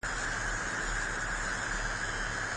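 Steady electric buzz with a low hum and bright hiss, simulating the buzzing type of tinnitus.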